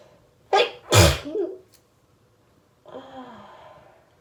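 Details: Allergic hay fever sneezing fit, sneezes that kept coming: two sneezes in quick succession, a short wet one then a forceful one, followed by a brief sniffle-like voiced sound.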